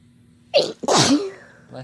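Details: Sneezing together by a man and a woman: a single sharp sneeze with a brief in-breath before the explosive burst, low room hum behind it.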